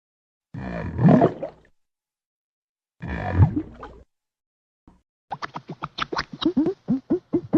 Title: stomach growling